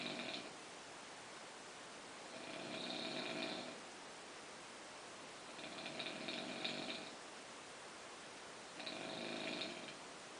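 Four rough, rattling snores on the breath, about one every three seconds, in a quiet room; ordinary snoring.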